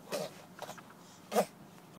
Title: Cj sneezing! (adorable)